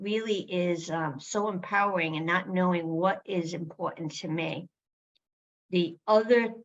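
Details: Adult woman with aphasia, showing word-finding difficulty, struggling to name a store; aphasia (word-finding difficulty).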